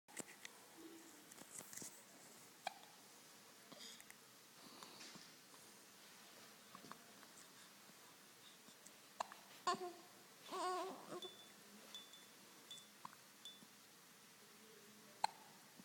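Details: Hiccups while playing with a toy giraffe: faint, sharp hiccup catches recurring at irregular intervals in a quiet room with soft rustling.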